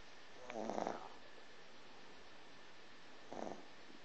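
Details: Snoring in a sleeping, dreaming 3-month-old Boston Terrier puppy: two soft, brief snuffling snores about three seconds apart over a quiet background, light snoring.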